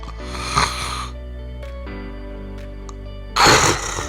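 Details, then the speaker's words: Simulated vocal imitation of obstructive sleep apnea: an imitated snore, then a silent breath-hold, then a sharp gasp for air, demonstrating stopped breathing at night, unlike plain snoring, in sleep oral appliance instructions. "this is different than snoring snoring is a sound like this stop breathing is when you snore hold your breath then gasp for air like this"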